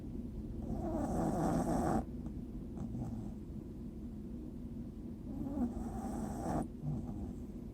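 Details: Soft, low rattling breaths rising and falling over two slow cycles against room noise; quiet snoring during sleep.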